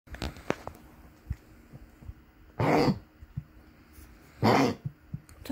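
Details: Dog coughing around 5:30 am, given medication including Lasix about 30 minutes earlier: two loud, rasping cough bursts about two seconds apart, with soft snuffling and clicking between.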